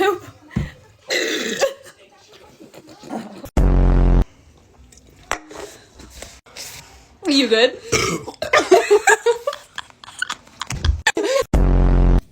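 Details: Loud Sprite-challenge burping: several loud, deep, drawn-out belches separated by vocal sounds and short pauses.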